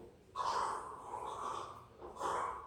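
Three rough, noisy bursts made by mouth mimic crackling breath sounds on inspiration, an imitation of pulmonary crackles.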